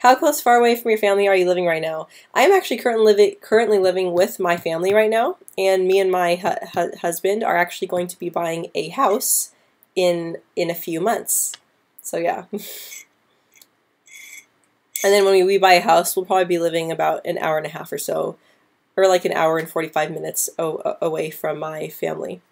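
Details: Woman who stutters since about age 9 or 10, with repetitions and blocks at the start or middle of words, especially P, B and C sounds, worse with anxiety; stuttering.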